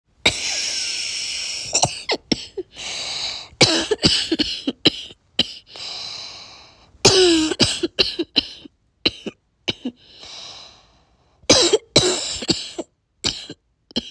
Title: barky whiny cough